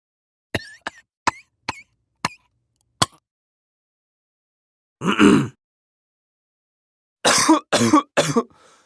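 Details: Adult man coughing, recorded as a sound effect: a few short clicking throat sounds, then one harsh cough and a quick run of three coughs.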